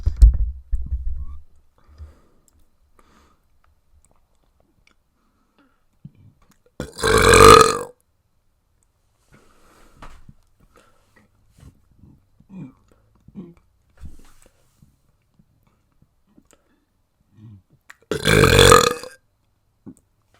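Two loud, drawn-out burps separated by a quiet stretch with faint mouth and room sounds; ordinary belching.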